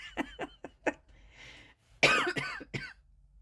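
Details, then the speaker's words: An adult woman gives a run of short, hacking coughs in two clusters, with a brief rustle between them, heard in the background while she is filming; cough. "again guys I'm apologizing because I know that you can probably hear me coughing and hacking in the background"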